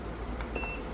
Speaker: And changing the settings is very simple. See, pulse mode 2, pulse mode 1, and maximum we can go is up to pulse mode 5.